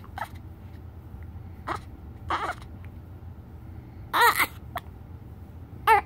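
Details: 9-day-old infant with hiccups and crying: short, irregular hiccup-like catches in the breath with a few brief whimpering cries among them.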